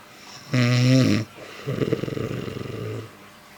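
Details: A woman (a mother-in-law) sleeps and snores "like a motorbike": a loud, buzzing, tonal snore on the in-breath, then a rattling, fluttering snore on the out-breath. Heavy snoring.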